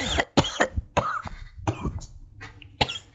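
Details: Adult with a cold coughing: several short, harsh bursts of coughing and throat clearing.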